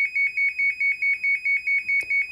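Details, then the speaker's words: Loud, rapid, piercing beeps, about five a second, smoke-alarm loud: Babysense7 infant breathing movement monitor alarm, with under-mattress sensor pads, for stopped or significantly slowed breathing. "in the event that a baby's breathing movement rate stops or slows significantly this audible and visual red alarm will activate"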